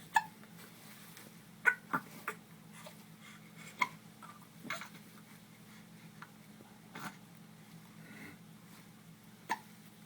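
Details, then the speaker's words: Dog with hiccups in the morning: brief, sharp clicking gulps recur irregularly, about six to eight in ten seconds, over a low room hum. "Oh, someone's got the hiccups."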